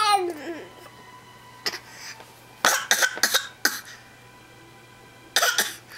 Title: Coughing fit